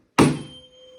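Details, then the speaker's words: Tuning fork struck for the Weber test during a HEENT exam, then placed on top of the patient's head; sharp strike and clear fading ring, heard in both ears. "Next, I'm going to perform the Weber test, and I'm going to do so with the tuning fork. So I'm going to strike the tuning fork,"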